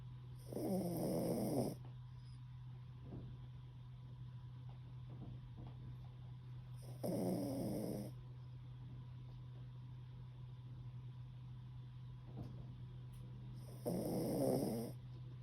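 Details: Rescue Pomeranian, worn out after a walk and a bath, asleep with chin resting on owner's foot: three rasping snores about seven seconds apart, roughly nine breaths a minute, over a low room hum. Dog snoring.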